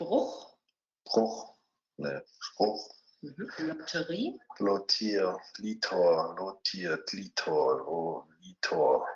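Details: 49-year-old male pharmacist, two days after sudden isolated fluent (Wernicke-type) aphasia from left internal carotid artery dissection; posterior superior temporal cortex lesion including Wernicke's area; deficits in repetition and comprehension; German speech.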